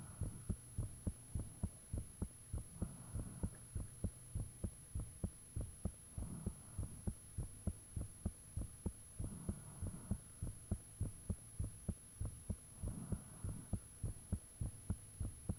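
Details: Self-recorded own heartbeat with fan off, made shortly after the heart began feeling very thumpy; steady, clear thumps about 100 a minute with faint breathing rushes and a steady hum; heartbeat.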